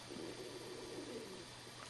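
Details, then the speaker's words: Soft, bubbling gurgle of a rumbling empty stomach; the speaker remarks on being hungry. "know if you can hear that. Must be hungry."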